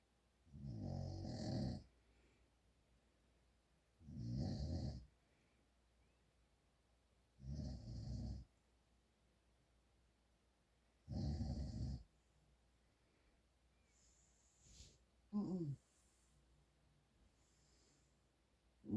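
Four rough, rattling snores about 3 seconds apart, roughly 17 breaths a minute, in a quiet room; ordinary adult snoring.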